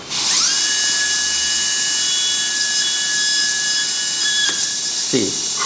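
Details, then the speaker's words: High-speed dental drill during root canal access opening of a mandibular molar, dropping into the pulp chamber after darker roof appears: steady high-pitched whine ending at bur drop. "this is the bird drop that we are talking about. Suddenly the when we see a darker area then the chances are we are entering into the pulp chamber and this is what we get."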